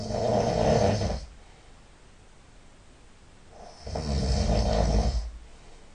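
Two loud, rough, rattling snores several seconds apart, with a quiet pause between breaths.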